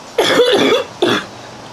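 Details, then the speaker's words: A girl who is out of breath after a prolonged coughing fit and blowing her nose gives one longer harsh cough, then a second shorter burst, in a small room. "My neighbors really hear me cough. My grandmother cough like and I just bring it on myself."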